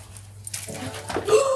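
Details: Sudden, brief animal-like vocal tic from a 16-year-old girl with Tourette syndrome and functional neurological disorder, tics triggered while baking a cake.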